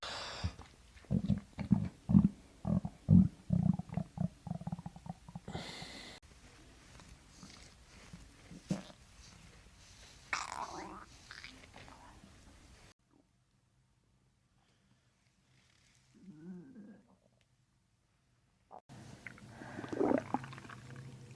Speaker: Oh, why is my stomach making those noises? Mm-hmm. That was mean. Stomach's growling.